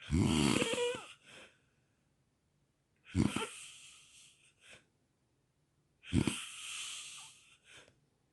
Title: Sleep apnea and snoring part 1.